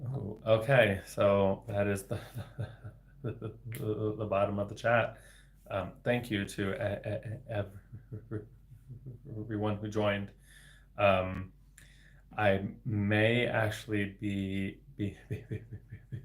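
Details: Stuttering beginning around age eight to nine in an adult man, a speech-language pathologist, with repetitions of sounds and words.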